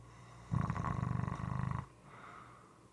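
A low, rapidly fluttering rattle on the in-breath, then a softer breath out: loud, moist-sounding snoring.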